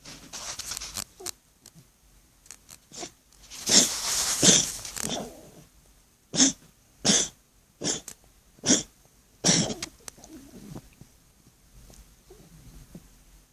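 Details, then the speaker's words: Cat with veterinarian-diagnosed enlarged heart (cardiomegaly), seen on X-ray lying against the sternum; a run of about seven short, harsh, moist coughs, caused by the enlarged heart. "so apparently the condition of enlarged hearts in which is what that cough is from it's it's pushing on instead of you know sitting slightly upright in his chest"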